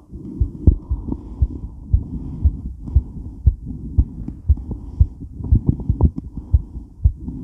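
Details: Woman's heart recorded while moving during and after weight training: fast, strong heartbeat near 118 a minute with movement noise and heavy breathing; a rapid pounding heart after exercise.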